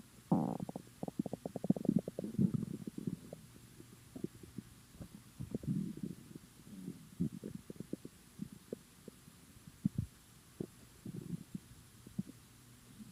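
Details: Gurgling, bubbling bowel sounds (borborygmi) in irregular bursts from an empty, hungry stomach.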